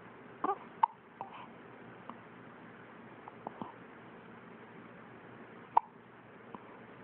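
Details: Hiccups: several short, abrupt clicking catches at irregular intervals over seven seconds against quiet room noise.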